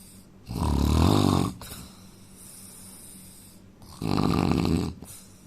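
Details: Man snoring: two loud, deep, rattling snores on in-breath, about a second each, quiet breathing between; ordinary heavy snoring.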